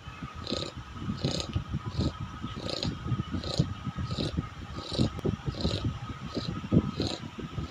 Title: Snoring American bully ..